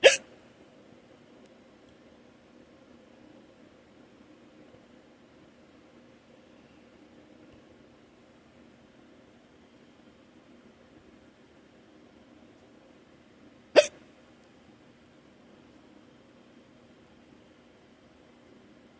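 Two sharp, brief hiccups about 14 seconds apart over a quiet room hum.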